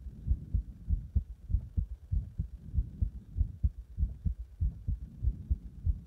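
Regular, strong, deep thumping heartbeat at about 95–100 beats a minute, with some murmuring background noise.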